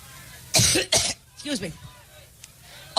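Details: Adult woman giving a Labor Day campaign speech in a large hall in Cleveland: two harsh, forceful coughs then a throat clear, part of a coughing fit attributed to seasonal allergies.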